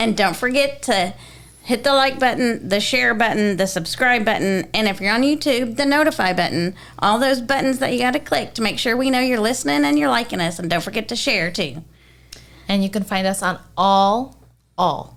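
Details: Adult woman speaking; no speech disorder.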